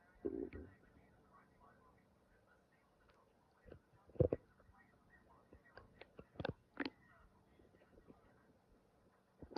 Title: listen to stomach growling